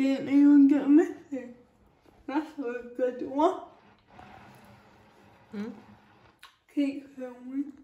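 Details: Female with cerebral palsy talking while feeding herself with a Neater Eater feeding aid; dysarthria (cerebral palsy), inferred rather than stated as a diagnosis.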